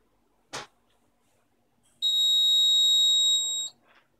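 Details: A short click, then a steady high-pitched electronic beep lasting under two seconds: the presettable reminder tone of a wired eight-patient nurse call bell system, which has beeper volume control.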